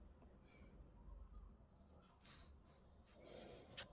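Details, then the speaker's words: Gracie snoring while asleep curled up in her blanket at the owner's feet; snoring. "Can you hear Gracie snoring already? Snoring her head up."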